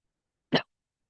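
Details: Single short, muffled cough in a quiet room from a student recovering from an ailment, coughing often while studying late at night.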